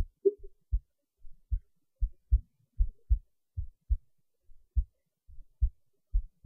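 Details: Heartbeat recording: soft, low, paired thumps repeating steadily at about 76 beats a minute.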